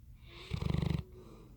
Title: Roscoe the Bloodhound Snoring Funny